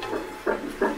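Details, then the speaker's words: Rapid rhythmic whooshing fetal heartbeat, around 160 beats a minute, heard on ultrasound Doppler at the couple's first ultrasound. "I think what the crazy thing is about hearing the baby's heartbeat you come to realize that there's really a baby in there a living human being it has a heartbeat"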